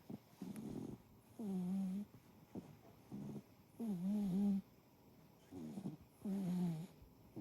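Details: Tortoiseshell cat in deep sleep snoring loudly: repeated buzzing, tonal snores on each breath, alternating with shorter rattly sounds, about 12 breaths a minute; snoring.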